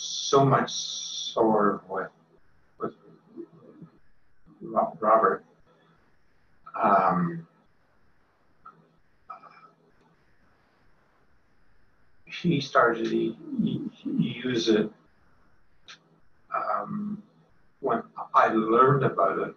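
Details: Progressive non-fluent aphasia associated with frontotemporal dementia, typical case with agrammatical, effortful speech and trouble with small words like pronouns and prepositions; single-word comprehension and object recognition good: non-fluent variant primary progressive aphasia.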